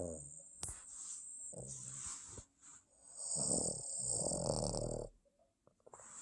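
Irregular snorting, rattly snores from a sleeping small flat-faced dog, with soft breathy noises between them.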